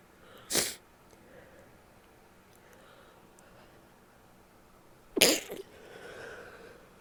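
Two sharp, explosive sneezes several seconds apart, with quiet room noise and faint breathing between them.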